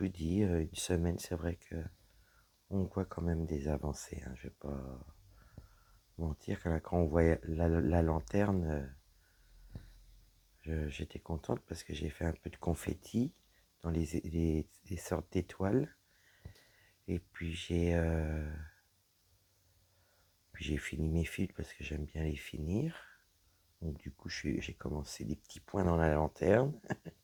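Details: Woman with dysphonia after a serious health problem damaged her vocal cords; her voice is lower than before, at times weak, and she cannot speak loudly.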